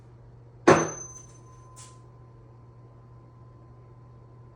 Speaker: what I'm going to do is I'm going to place this tuning fork on the middle of your head and I want you to tell me if you hear it equal on both sides of your head okay you got it